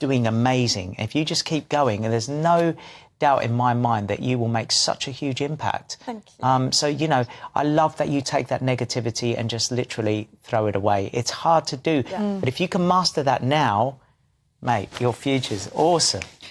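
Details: Adult man speaking; ordinary speech.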